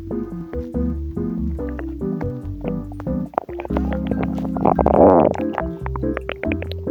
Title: Twisted tummy noices | loud stomach noises | hungry gurgles